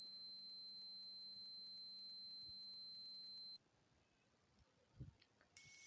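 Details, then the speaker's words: Steady high-pitched ringing tone with faint low hum, one of nine app-generated sample sounds played for about 5 seconds to help patients describe their tinnitus to a doctor: simulated tinnitus ringing. "तो आप अपने डॉक्टर को बता सकते हैं कि मुझे इस किस्म का आवाज़ सुनाई दे रही है।"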